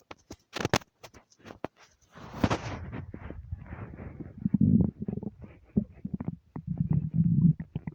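Gurgling, bubbling and low rumbling sounds with clicks; loud bowel sounds of an empty stomach, a normal hunger rumble.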